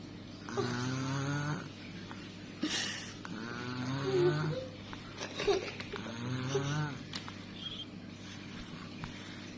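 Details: Sleeping baby making three slow, rattly, droning breath sounds in a quiet room. Infant snoring.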